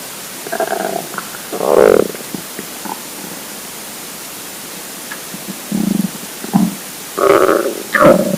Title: Hungry Empty Stomach Rumbling Part 4 (22/10/2015)